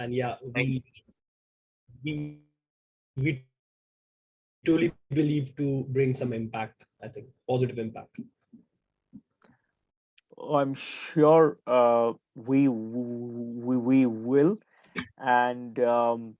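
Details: Stuttering in a 28-year-old man who identifies himself as a person who stammers.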